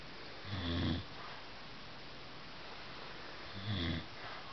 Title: Snores part 2